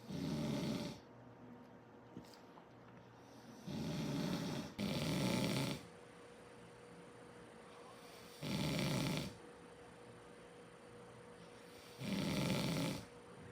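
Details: Two coyote brothers snoring in sleep: loud, rough bursts at irregular intervals, about 17 a minute, over steady background hum; snoring.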